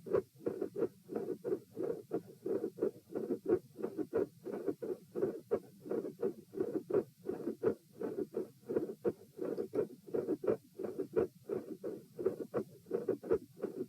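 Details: Auscultation stress test at position P while lying, sitting, standing and lying again (72, 84, 108 and 72 bpm): regular heart sounds with a mid-systolic click and a split S2.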